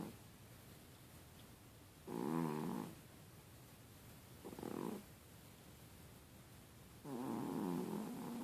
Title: My Cat Snoring Like a Pig